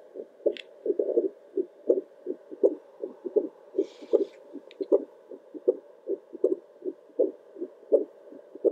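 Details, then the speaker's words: Adult's own heartbeat recorded at home with a Doppler heart monitor for ASMR, about 78–80 beats a minute, steady regular whooshing paired pulses, louder with each deep breath; normal heartbeat. "every time i take a big deep breath my heartbeat sounds so much louder"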